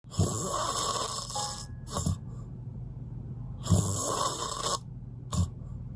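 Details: Heavy snoring: loud harsh snores, rattling and hissing on each breath in, each followed by a short snort.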